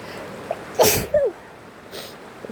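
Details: A single sneeze from an adult who is sick: a voiced intake burst then a sharp explosive release, over steady rain.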